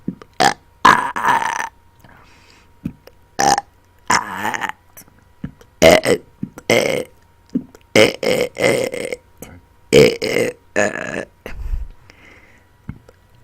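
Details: Adult deliberately burping on command after dinner: about a dozen loud, drawn-out burps over thirteen seconds, some rattling; voluntary belching.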